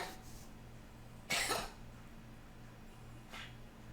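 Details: Wheezy cough from a cat: one loud, harsh, airy cough, then a fainter one, with nothing brought up; he does this sometimes and never spits up.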